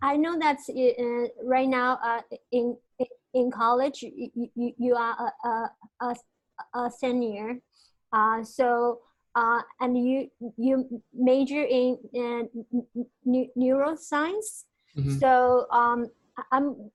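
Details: Stuttering in a female podcast host who grew up in China and received no speech therapy there.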